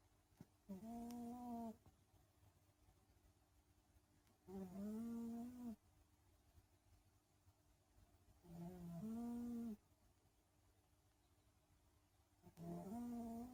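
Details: Sleeping cat: rhythmic tonal snores about 15 per minute, each about a second long with quiet gaps between; snoring.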